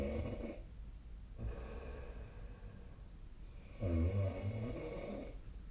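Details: Adult snoring during sleep: low, rumbling snores with breathy gaps against a steady background hum.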